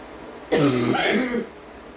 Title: hard coughing (f)